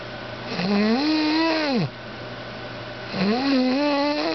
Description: My girl sleeping and snoring loud...